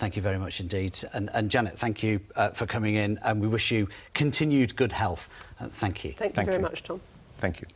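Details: Adult male presenter, with a second speaker replying briefly; typical speech.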